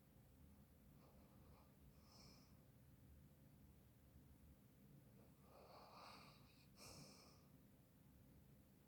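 Soft breathing with several short, airy nasal snorts, the louder ones near the end, in a quiet room. Snorting during sleep.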